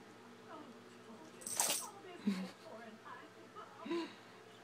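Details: A mini Chihuahua gives a quick run of sharp, hissing sneezes during a sneeze attack, recorded on an iPhone, over a faint steady room hum: sneezing.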